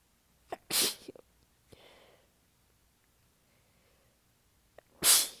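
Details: Exhausted person in a long sneezing fit, partly holding back sneezes, abs sore: two sharp explosive sneezes with quick catching breaths and a short lull between.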